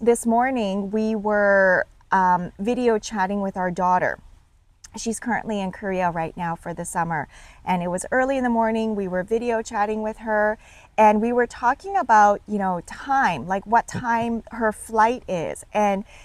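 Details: Adult woman speaking; ordinary speech.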